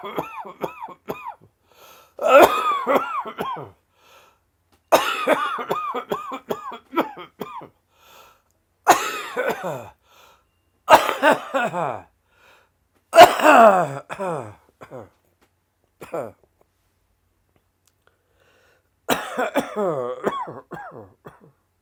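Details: Adult with COVID-19: repeated harsh, dry coughing bouts with a strained, voiced edge.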